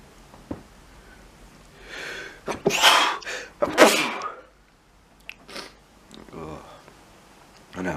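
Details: Repeated sneezing, two loud explosive sneezes close together, each preceded by a sharp intake, then quieter breathy sounds.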